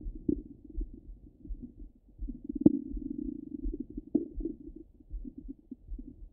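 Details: Stomach rumbling heard through a stethoscope: muffled low gurgling and a sustained rumble with a few sharper pops; ordinary bowel sounds.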